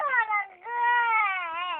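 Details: An infant crying in two drawn-out, tuneful wails with a steady, moderately high pitch.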